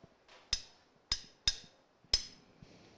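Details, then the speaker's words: Four sharp, crisp mallet taps on a surgical awl with quieter room noise between, drilling small holes into the medial femur bone during knee microfracture surgery; the knee shows wear, synovitis and an osteophyte. "e marrow cells yeah so the idea is it will drill these little holes all the way around and then in the center yep thanks yep so we get a little bit softer now I think we're going to the softer bone there we are yep perfect so we'll go around the rim then in the center"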